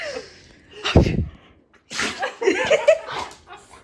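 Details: A dog sneezing repeatedly, nonstop: a sharp, explosive sneeze followed by snorting, with faint human laughter in a small room.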